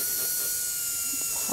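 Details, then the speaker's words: High-pitched steady whine of a dental rotary handpiece running a polishing brush at high RPM with light touch on a composite anterior tooth; dental rotary polishing brush. "you always want to remember that with any rotary instrument there is the potential for creating extreme heat"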